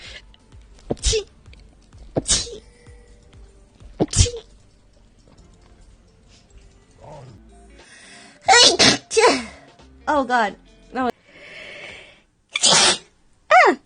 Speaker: excuse me excuse me oh god my nose i have allergies